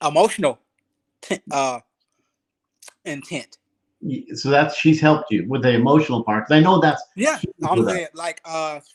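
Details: Adult speaker; typical speech.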